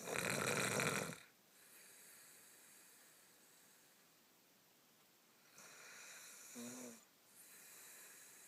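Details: Loud, harsh snoring breaths in bursts with quieter breathing between, from a sleeping dog that keeps the owner's girl up all night; dog snoring.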